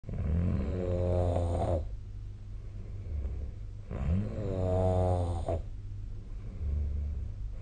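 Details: Sleep recording made with the SnoreLab snoring app: two loud, rattling inspiratory snores about four seconds apart with quieter breathing between, roughly 15 breaths a minute; snoring.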